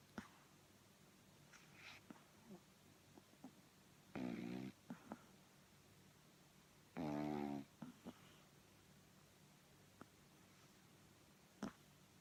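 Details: Two loud, buzzing snores with faint soft clicks between them from a sleeping pug puppy, dreaming and making suckling movements.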